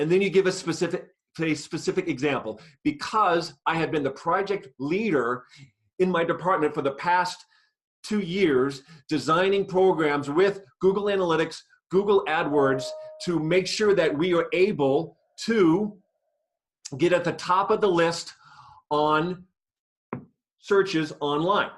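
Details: Adult woman who has stuttered for 50 years, speaking in a webinar on job interviews for people who stutter; stuttering.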